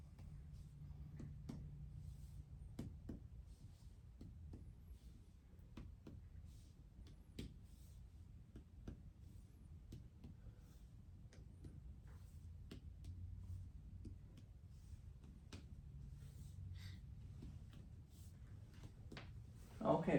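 Roughly two dozen sharp, dull finger taps in a quiet room, unevenly spaced: percussion of the front of the chest during a routine examination.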